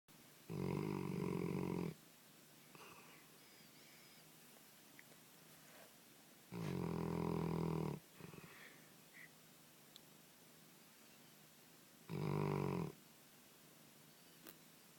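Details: Three deep, rumbling snores about every five to six seconds in a quiet room; snoring.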